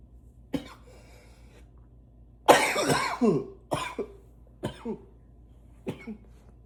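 Five harsh coughs, one long and forceful with a rough drawn-out tail, the rest shorter; repeated intense coughing.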